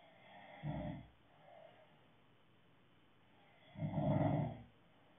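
Two low, rattling snores on the in-breath with a soft breath between; ordinary snoring.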